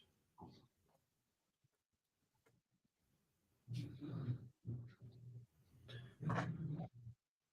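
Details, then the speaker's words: Pet dog Charlie snoring while asleep, said to be louder than normal today: low, rough rumbling bursts over a quiet room. "thank you oh you can't hear that dog snoring do what I said I sure hope you can't hear Charlie snoring disease he is a little louder than normal yeah he is today"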